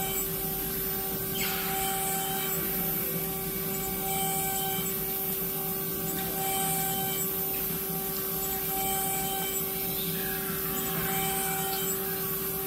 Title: 5 Axis dental CAD CAM milling machine milling Implant